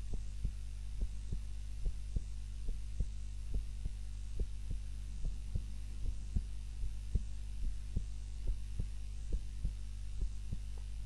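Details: Normal resting heart sounds recorded on a timer during a nap, lying on the back (supine, unlike the usual prone position); steady regular low thumps at about 71 a minute over a constant low hum.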